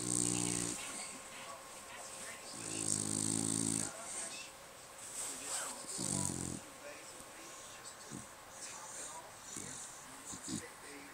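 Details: Snoring from a sleeping female who is kicking her feet: buzzy, rattling snores in long, drawn-out breaths with faint room noise.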